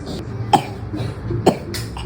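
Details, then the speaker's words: Young child coughing, simulated for an advertisement: two short cough bursts with steady background hum. "Paling gak tahan kalau lihat si kecil lagi batuk. Rasanya kayak tersiksa banget. Bahkan kadang sampai muntah."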